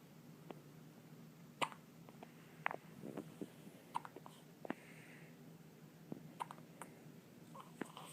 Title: hiccups and a toot 2 months